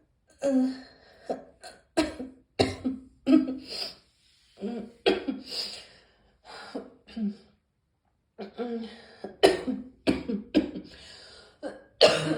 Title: Morning Cough